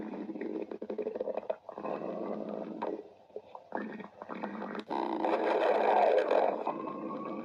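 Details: Loud gurgling, rumbling stomach growling with brief pauses, rising toward the end; ordinary borborygmi from gas and fluid moving through the gut.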